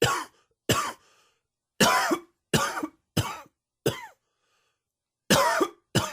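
A fit of eight sharp, harsh coughs in quick bursts, some with a hoarse, throaty edge; allergy-triggered coughing.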